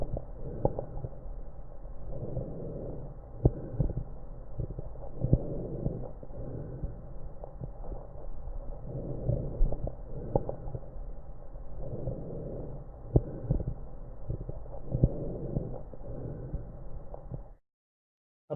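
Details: Normal lung sounds sample: soft, low rushing breath sounds rising and falling in steady cycles, no added crackles or wheezes.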